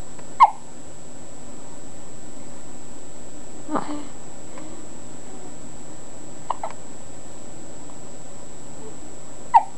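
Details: Baby hiccups: three or four short, sharp hiccup sounds spaced a few seconds apart over a quiet room hum, in an infant.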